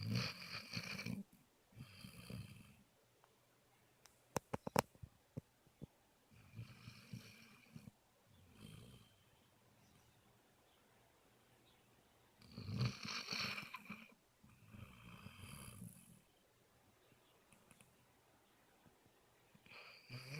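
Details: Basset Hound dog sleeping in a quiet room: irregular bursts of rumbling snorts with a few sharp clicks between, about six over twenty seconds; snoring.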